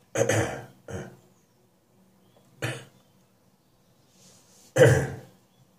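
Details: Adult with a lingering spring cold, still coughing in the morning but less during the day now. Four separate harsh cough bursts in a quiet room, the first followed closely by a smaller one.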